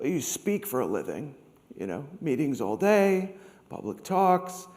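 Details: Adult man with degenerative, permanent spasmodic dysphonia following long COVID after a mild COVID infection, progressing over weeks to whisper-only; treated with vocal cord Botox injections, speech therapy and laryngeal manipulation, with laryngeal endoscopies; spasmodic dysphonia.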